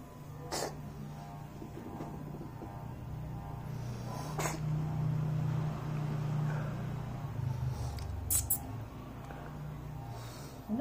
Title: a very first time we saw her sneezing 🤧||cat